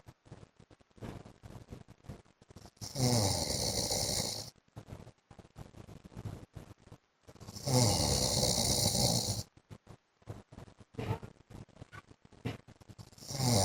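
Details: A wife records her husband snoring in his sleep: loud, rattling snores every four to five seconds, about 13 a minute, with quiet breathing and small snorts between them.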